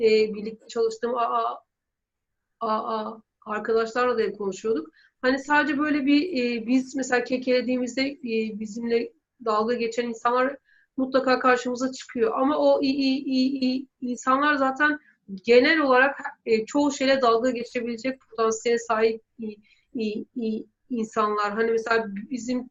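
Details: 23-year-old male medical student with stuttering since early childhood, who has attended stuttering therapy courses; stuttering.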